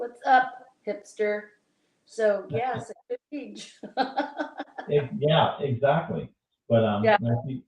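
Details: Adult speakers in casual conversation; conversational speech.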